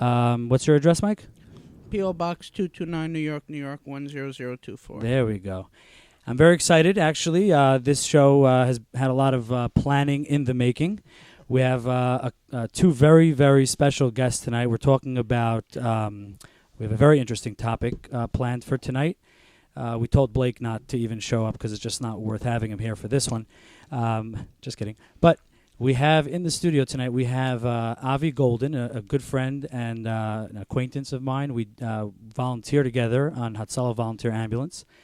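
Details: Adult male speaker; ordinary speech.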